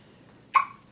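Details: Single short, sharp voiced hiccup from a baby girl, quickly fading in a quiet room; hiccups.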